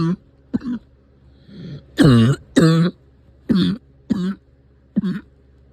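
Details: Seven short voiced cough and throat-clearing bursts in under six seconds over a low engine-like rumble; a cough that has come back.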